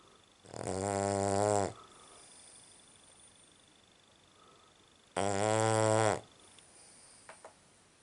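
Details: Cavalier dog described as a horrendous snorer, recorded at night while sleeping: two loud buzzing, tonal snores about four seconds apart, quiet between.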